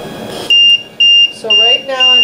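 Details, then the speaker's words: LTV 1150 ventilator in a demonstration: repeating high-pitched electronic alarm beeps, about two per second. This is a low-pressure alarm, triggered when circuit pressure drops below the set low-pressure limit because of a leak or disconnect in the patient circuit. "low pressure would be some sort of leak or disconnect in the patient's circuit so whatever you have your low-pressure set up if the if the pressure would go below that then you would get a low pressure alarm so I'm going to demonstrate what that would look like"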